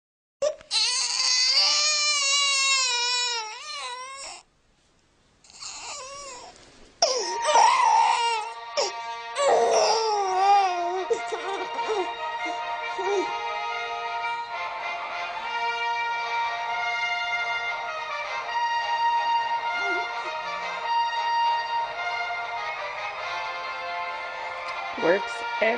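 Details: Infant crying in loud, wavering wails, then quieting as the orchestral Star Wars theme plays over the last part; infant crying calmed by music.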